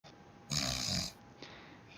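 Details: Adult snoring while asleep, recorded by a companion.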